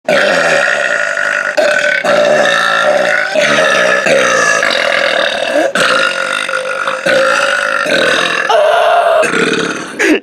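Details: Brother burping: a long, loud, rumbling burp running about ten seconds in several drawn-out pushes.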